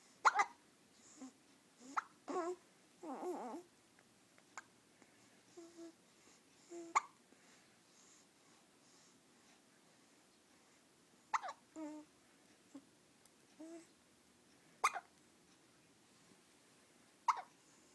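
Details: 14-day-old baby boy hiccuping after feeding: short, sharp hiccup clicks every few seconds, mixed with soft babbling and breathing; infant hiccups.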